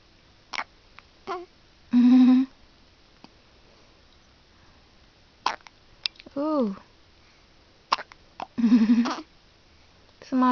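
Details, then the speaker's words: Baby with hiccups: brief sharp catches in the infant's breathing between short vocal sounds. "Somebody got the hiccups."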